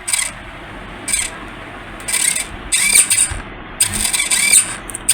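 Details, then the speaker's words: Homemade Arduino-based mechanical ventilator whose servo-driven lever squeezes an Ambu bag about once a second at normal speed: repeated whirring servo bursts with hissing air over steady machine noise. "अब हम फिर one number देते हैं"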